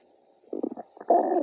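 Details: Bubbly gurgles ending in a drawn-out rumbling growl; stomach growling (borborygmi) from hunger.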